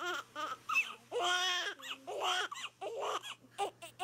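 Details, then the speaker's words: A newborn baby girl, 19 inches long, crying: short, repeated crying bursts with fussy whimpers between them, over faint room hum; she cries a lot. "What do you think, buddy? She cries a lot"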